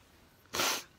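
A single sharp, hissing burst after quiet, typical of a sneeze.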